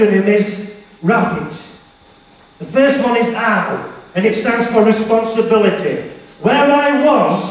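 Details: Male motivational speaker with a self-described stammer/stutter, who was referred to a speech therapist, speaking live to teenagers; stuttering.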